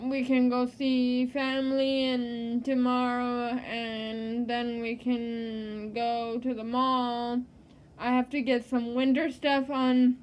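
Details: Adult woman living with cerebral palsy; dysarthric speech (cerebral palsy), speech disorder not named.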